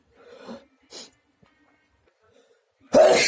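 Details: Brief in-breath and short bursts, then a loud explosive forceful sneeze; nose has itched a lot since returning from swimming.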